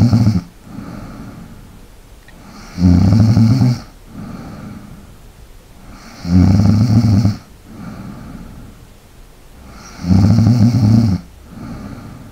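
Loud, low rattling snores on each breath in, with quieter breaths out, about 17 breaths a minute; ordinary snoring during sleep.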